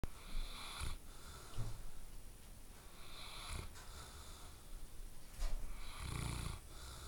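Loud, low rumbling snores repeat in slow cycles with breath noise between them. This is a sleeping dog snoring.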